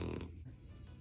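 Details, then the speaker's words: Pet dog snoring in the background of a home-studio recording. "by the way I just want to mention that that is my dog snoring so when you hear"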